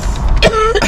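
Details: Grandma's coughing attack after choking while in a car at McDonald's drive-through: short, harsh cough and throat clearing over loud engine rumble.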